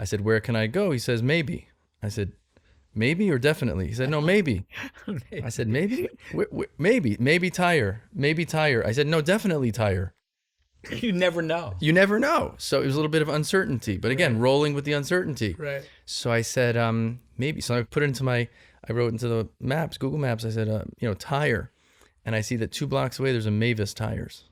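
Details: Adult man speaking; typical speech.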